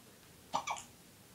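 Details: A single short, sharp catch of breath with a quick voiced follow-on in a quiet room, from a young girl who has hiccups and is told to drink: hiccup.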